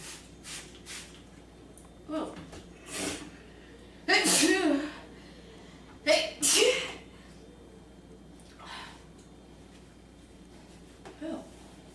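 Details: Girl sneezing, tagged allergies and sinuses: two forceful sneezes, each led by a sharp catching inhale, with softer breathy sounds and quiet room noise.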